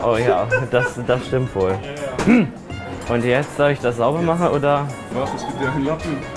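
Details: Young man with Tourette syndrome, real, working as a waiter taking a phone call and seating guests; involuntary vocal tics occur mid-sentence.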